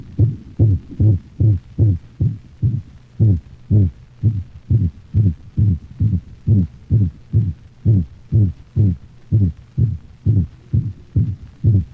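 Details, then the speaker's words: Dog heart auscultation: rapid heartbeat with a high-frequency, musical systolic whoop (seagull murmur), a variant of the holosystolic murmur of atrioventricular valve insufficiency. "the systolic hoop or seagull murmur is a variation of the holosystolic murmur heard with atrial ventricular valve eula insufficiency notice the high frequency and musical quality of the systolic hoop"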